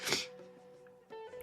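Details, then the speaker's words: Single sharp, hissing sneeze from an adult, followed by quiet background music; the finding is sneeze. "I'm going to sneeze again that doesn't sound good you can hear all the stuff at the back of my throat when I sneeze"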